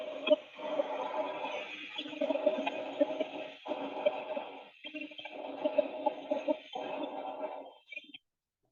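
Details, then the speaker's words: Harsh, hollow blowing breath sounds heard through a stethoscope, expiration longer than inspiration: bronchial (tubular) breath sound, normal over the trachea, pathological elsewhere as in lung consolidation; teaching example. "al oír este ruido fuera de estos sitios es patológico y se denomina soplo tu bar kiko como lo describiremos a la verdad de la auscultación de las condensaciones pulmonares que vamos a revisar más adelante"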